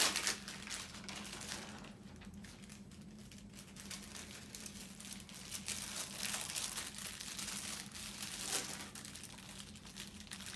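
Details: Crisp crinkling and rustling of paper packaging opened in a quiet room with steady low hum, as sterile dressings are opened for a chest tube dressing change in a nursing skills demonstration.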